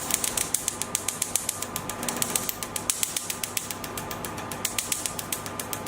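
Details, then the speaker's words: Rapid, fairly even sharp snapping clicks, about 220 per minute, over a faint machine hum: a portable picosecond laser with a 1320 nm probe firing repeated pulses over carbon gel on the face, held about 2 cm from the skin. "The operator holds the handle perpendicular to the skin surface, and the probe needs to keep about 2 cm away from the skin. Tread the foot pedal to start the operation."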